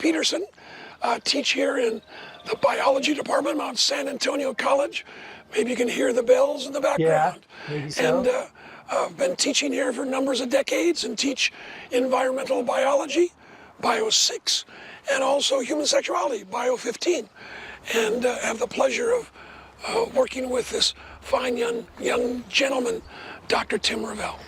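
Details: Adult man with dysphonia after partial vocal cord resection: one third of the vocal cords removed in 2008 after two bouts of vocal cord cancer; he never smoked, and the cancer was probably caused by secondhand smoke.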